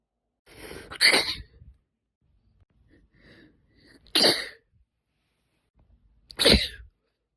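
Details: Deliberately induced sneezing (f): three sneezes a few seconds apart, each with a short catching in-breath, quiet breathing and sniffing between; induced with a tipless cotton swab stick or a slender spray-bottle dip tube.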